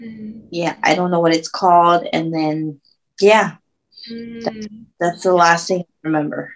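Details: Aphasia in a woman after a stroke at age 24, about 10 years earlier, with word-finding difficulty.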